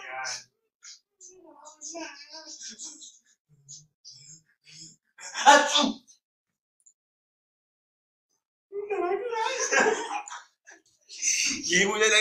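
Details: Acted comedic sneezes from a blooper sketch of different types of sneezers: breathy build-ups followed by sudden explosive bursts; sneezing.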